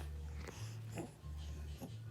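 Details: Baby girl diagnosed with laryngomalacia about 15 days earlier, bottle feeding slowly with a special bottle: low, rough, vibrating noise with each breath; inspiratory stridor.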